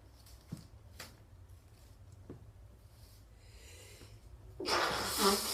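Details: Person sitting: quiet sniffs and snorts, then one sudden explosive burst of air near the end. A single sneeze.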